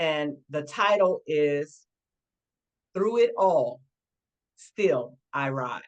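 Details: Aphasia resulting from stroke in a woman who is a 20-year stroke survivor.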